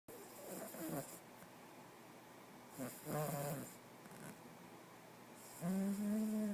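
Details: 8-week-old Porkchop, tired from playing, with rough snoring sounds on inhalation ending in a louder buzzing snore; ordinary snoring.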